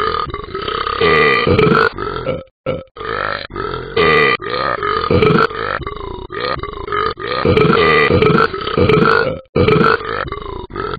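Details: Talking Ben the Dog app character: a run of loud, drawn-out, croaking burps, a sound-effect imitation of belching.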